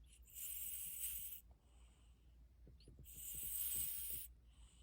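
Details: Snoring: a sleeping cat gives two long hissing, whistling breaths with faint rattling between them.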